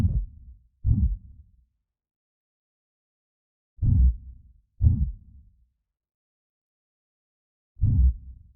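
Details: Creepy horror/Halloween heartbeat sound effect, synthetic: slow, deep paired thumps, about 15 pairs a minute, with long silent gaps between them.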